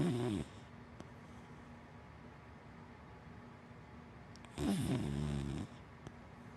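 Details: Sleeping dachshund–black Labrador mix dog snoring: two low, rattling snores a few seconds apart with quiet breathing between them, ordinary snoring.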